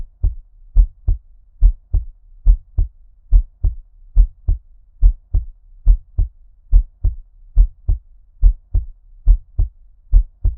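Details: Steady, muffled lub-dub heartbeat at about 71 beats a minute with a regular rhythm, given an underwater ear-cupping effect for sleep relaxation: a normal-rate heartbeat.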